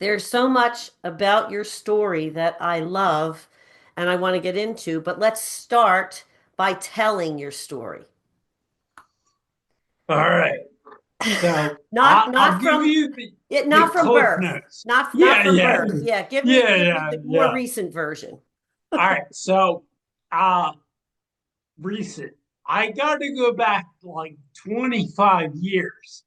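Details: Ataxic dysarthria in a 45-year-old man with degenerative ataxia from cerebral atrophy, diagnosed around 2013–2014; it affects his movement, balance and speech, and his speech began changing around 2020 as the disease progressed.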